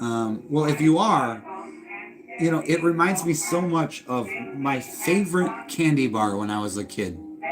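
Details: Adult speaker; normal voice.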